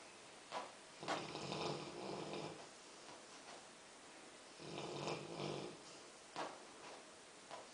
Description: My rottie Pongo snoring and dreaming